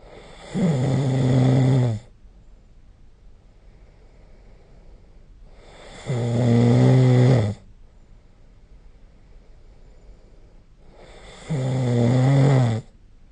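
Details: Snoring during sleep recorded with the SnoreLab app: three loud, buzzing snores on inhalation, about 11 a minute, separated by quiet exhalations.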